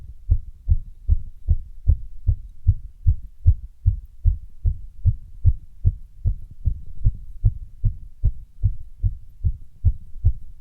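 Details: Heart sounds after running: fast heartbeat, roughly 140 a minute, mostly regular, with an occasional beat out of step marking an intermittent arrhythmia.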